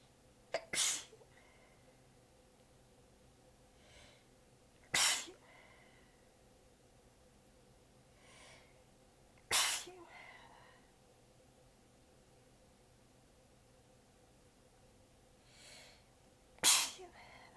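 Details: Four sharp, partly held-back sneezes, each after a soft inhale and several seconds apart; the person was exhausted with sore abs and biting them back, so they sound weak. Sneezing fit.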